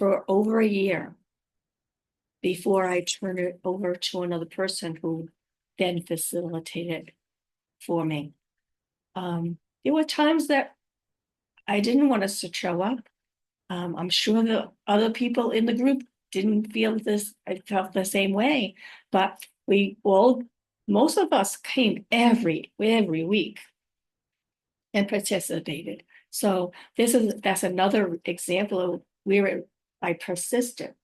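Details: Adult woman five years after a stroke with real aphasia, apraxia of speech and dysarthria; she says her speech can sometimes be hard to understand; aphasia with apraxia of speech and dysarthria.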